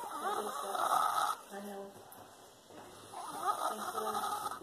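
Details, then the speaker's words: Loud, rough, throaty buzzing snores about three seconds apart from a sleeping 5-year-old boy, loud enough to drown out the TV; heavy snoring in a child. "I just want you to see how loud he's snoring. We can't even hear the TV. He snores like that."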